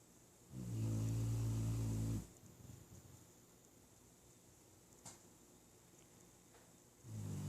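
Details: Sleeping pet dog giving two loud, low rumbling snores with a quiet pause between, over faint room noise; snoring.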